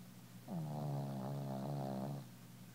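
A single long, low, rattling snore on an in-breath, lasting about two seconds, from a sleeping animal.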